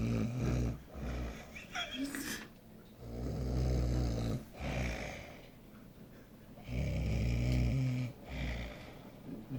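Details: Snoring in a man asleep while watching football: loud, low rattling snores in repeating breath cycles every two to three seconds, with quieter gaps between.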